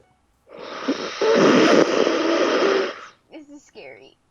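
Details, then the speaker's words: Snoring that sounds like gasping for air: one long, loud, rough rattling breath, then a few short squeaky whistling sounds. "sounds like he's dying. Oh my god. He's like gasping for air at this point."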